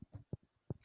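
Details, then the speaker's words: Jaw clicking in someone with severe TMJ disorder who needs jaw surgery, chews gum daily and says the jaw always clicks: several short, dull pops in under a second, caught on a microphone. Temporomandibular joint popping. "also well i have terrible tmj i need jaw surgery so it doesn't really matter anymore just always clicking whatever can you hear this in the mic it's my jaw popping i want to see if it works"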